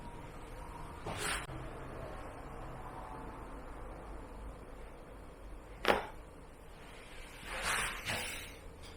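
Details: Chiropractic cervical spine adjustment for stiff shoulders: three sharp cracking pops of neck joint cavitation in a quiet room.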